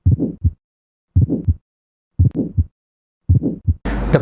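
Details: Teaching recording of aortic stenosis for OSCE students, with guidance on timing the murmur: four heart cycles, each with a rough crescendo-decrescendo systolic murmur between the heart sounds.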